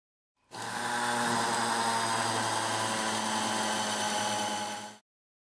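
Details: Implant bed preparation in region 36 (third quadrant) for a 4.5 × 13 mm MicroCone implant in extremely compact cortical bone, using a 4.3 mm cortical drill: steady high-pitched motor whine about four and a half seconds, starting and stopping abruptly.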